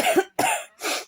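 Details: Adult with a persistent cough, on antibiotics and believing it is an upper respiratory tract infection, recorded at followers' request: three quick, loud, harsh coughs in rapid succession.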